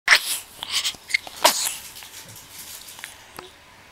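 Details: Baby sneezing while being playfully poked on the cheeks and mouth.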